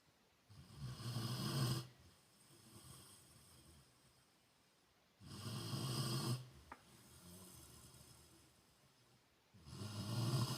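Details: Deep, rumbling snores on each in-breath from a sleeping Rottweiler, with softer out-breaths between, about 14 breaths a minute: dog snoring.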